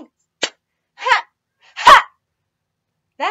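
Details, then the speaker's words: Sudden brief vocal tics (sharp click, short loud yelps and squeaks between silences) in a person with Tourette syndrome, erupting as a tic burst after trying to hold still for about a minute in a don't-move challenge. "I think I just ticced there a little bit. I’m gonna say it doesn’t count, I’m gonna say it doesn’t count…"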